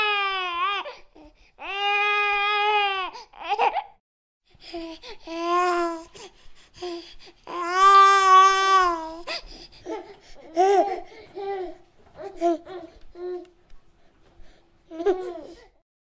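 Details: Infant crying sound effect: high-pitched sustained wails, then shorter whiny, fussing bursts.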